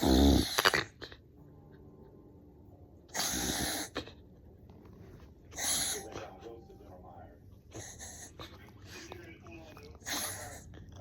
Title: Anyone else’s dog do this?? reverse sneeze #sneeze #dogs